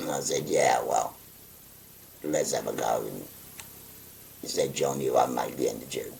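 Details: 57-year-old man with a voice valve (voice prosthesis) after total laryngectomy for stage four laryngeal cancer, pressing a button to occlude his neck stoma; tracheoesophageal speech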